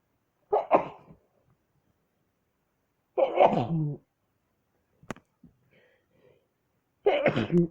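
Three short explosive bursts with quiet gaps between them, heard as a run of sneezes.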